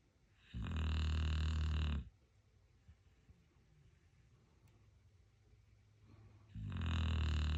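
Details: Two deep, rumbling snores about six seconds apart with quiet breathing between, from a dog sleeping peacefully; ordinary snoring.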